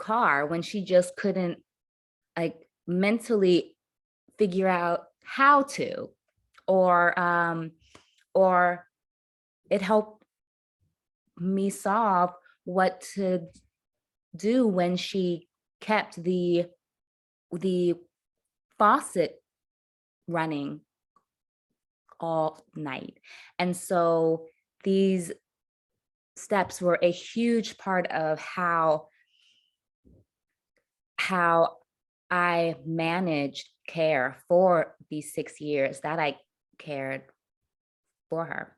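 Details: Stuttering in an adult woman who says she stutters; her stutter worsened under caregiving stress, at times to the point of being nearly unintelligible.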